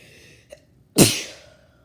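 Brief indrawn breath, then one loud explosive hissing burst that fades; a single sneeze.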